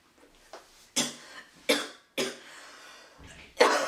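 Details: Blonde-haired young woman vaping: four or five harsh, dry cough bursts in quick succession after exhaling vapour, an irritant cough; she says it tastes awful.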